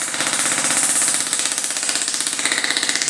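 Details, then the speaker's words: Shockwave therapy handpiece firing rapid sharp rattling pulses, about four per second like a small jackhammer, over the feet toward the toes of an adult male neuropathy patient to break up adhesions; sound-wave shockwave therapy device in operation. "These are sound waves. Not much of a shock, it's sound waves. That's what we call shockwave therapy."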